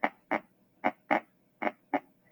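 Paired lub-dub beats at a steady rhythm, about 77 a minute, with quiet gaps between pairs: normal first and second heart sounds.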